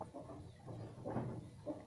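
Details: Chicken with respiratory illness (ngorok) makes short, rough, rattling snoring breath sounds in quick succession before being given a remedy.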